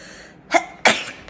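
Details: Sneeze from a compilation of singers sneezing: a short voiced catch followed by one sharp, hissy, explosive burst of air over a faint background hiss.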